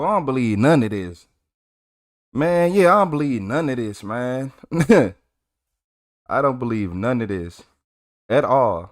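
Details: Adult man speaking; ordinary speech.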